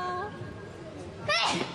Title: Funny | Kpop Idol Sneezing Compilation